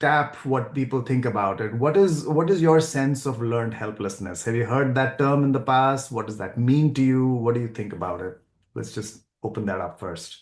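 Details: Adult male speaker; fluent speech.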